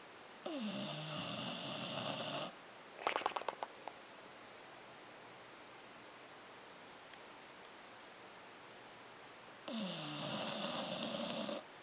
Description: English bulldog snoring & lips flapping